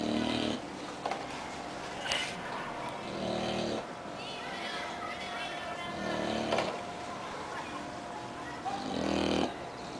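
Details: Snoring from an English bulldog: loud, rough, rattling breaths about every three seconds over steady background noise.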